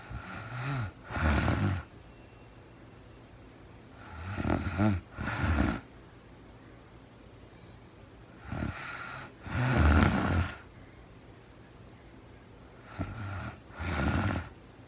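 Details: Real-time recording of a woman sleeping, very tired, no talking: irregular snores with a snorting, rattling quality on both breathing in and out, about 14 a minute; snoring.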